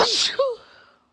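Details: Woman sneezing on camera during a sneezing fit: a brief indrawn breath, then a forceful voiced burst fading out; ordinary sneeze.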